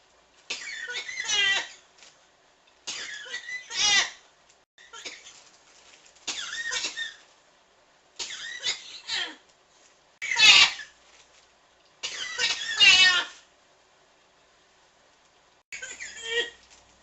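Repeated bouts of harsh coughing, about eight bursts in 17 seconds with short pauses, a persistent cough.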